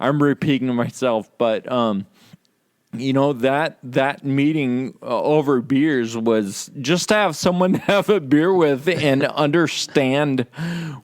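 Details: Adult man with Friedreich's ataxia, which causes slurred speech said to be audible in his talk; ataxic dysarthria due to Friedreich's ataxia.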